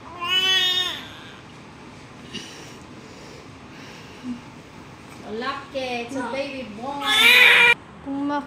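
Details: Vigorous newborn cry: short, high-pitched wailing from a just-delivered baby boy born at 42 weeks AOG and still covered in vernix, with faint background music.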